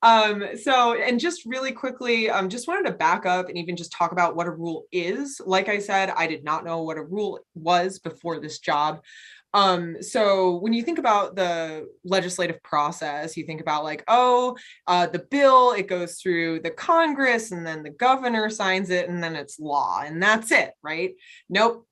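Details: Adult woman speaking; normal speech.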